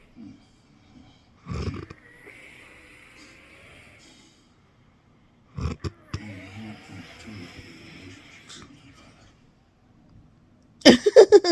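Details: Snoring in sleep; the snore is likened to a rotary phone.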